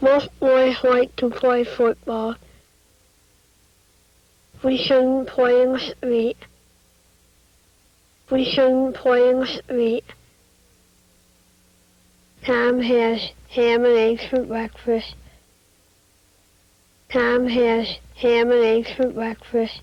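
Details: Mid-dorsum palatal stop substitutions for t and d in a speaker with a repaired cleft palate.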